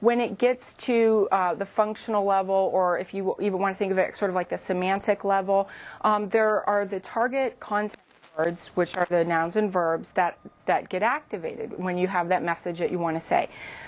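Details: Adult; typical speech.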